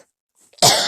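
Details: A single harsh, forceful cough after brief quiet in an adult sick with COVID-19; an emergency room doctor diagnosed bronchitis.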